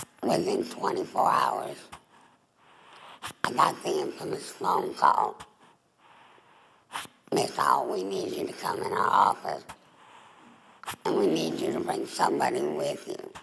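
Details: Adult woman, former smoker, with alaryngeal speech after total laryngectomy (larynx and voice box removed) for laryngeal cancer, breathing through a neck stoma.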